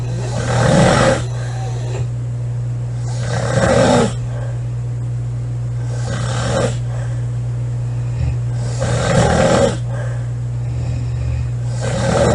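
Loud, rough snores about every three seconds, roughly 20 a minute, over a steady electrical hum: habitual heavy snoring.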